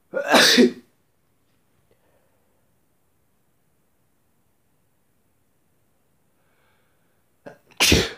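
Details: Two loud, explosive sneezes separated by a long silence, self-provoked by tickling the nose with a tissue.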